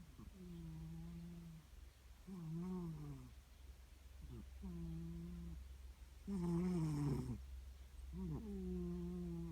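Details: Cat snoring while tired: soft, rough, tonal sounds repeating about 32 times a minute over a steady low room hum.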